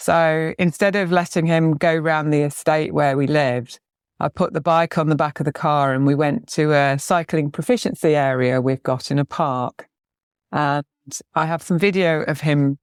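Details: Adult woman speaking; normal adult speech.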